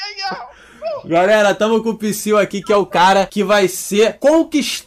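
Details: Adult male speaker; normal adult speech.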